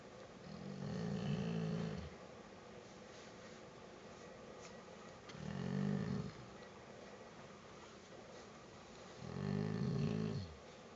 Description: Another scary pit, snoring like a old man!